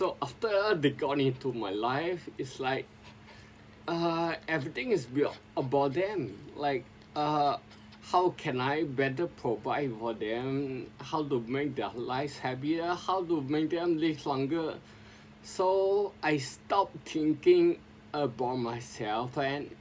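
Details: Adult man with sporadic spinocerebellar ataxia since 2002, speaking as self-directed speech therapy; ataxic dysarthria.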